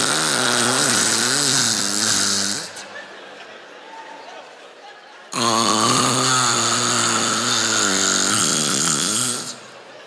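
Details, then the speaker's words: Comedian, recently diagnosed with sleep apnea, imitating her own snoring: two loud, rattling imitated snores separated by a brief silence mimicking an apneic breathing pause. "and they stopped breathing it's not sexy"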